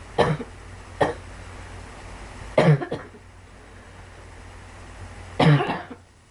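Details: Girl coughing: four short, separate coughs from a child in a quiet room.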